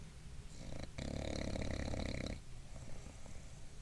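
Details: Bulldog dozing while sitting up: a single harsh, fluttering snore lasting over a second; snoring.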